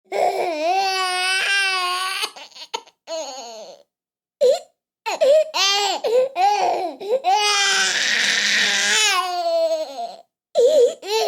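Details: Infant crying in short, high-pitched wailing bursts separated by brief pauses and gasping breaths.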